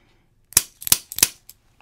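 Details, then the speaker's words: Three sharp snapping clicks, then a faint fourth, from a hand-held activator instrument tapping the first neck vertebra (C1) of a patient who cannot flex well to the left during chiropractic adjustment. "so I use this tool activator I'll tap the very first bone in the neck it's called"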